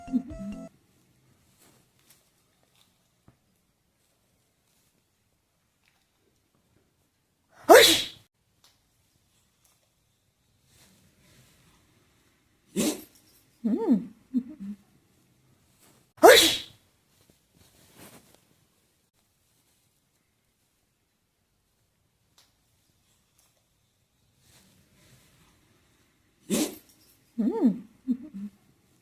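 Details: A small dog, a Westie (West Highland White Terrier), sneezes four times, each sharp burst sometimes followed by brief snuffling.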